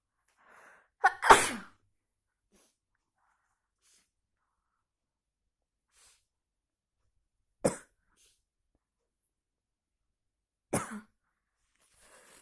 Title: Big sneezes cold for rain part 2